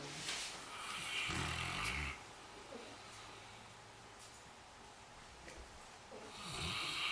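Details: Saint Bernard dog that fell asleep in the kitchen, giving two noisy, rattling snores with a quieter breath between; snoring.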